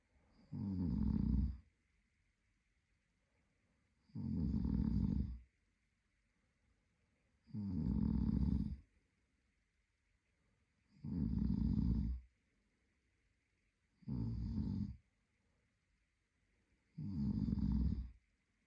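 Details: Adult male partner asleep: regular low rumbling snores on each in-breath, about 18 a minute, with quiet pauses between; steady sleep snoring.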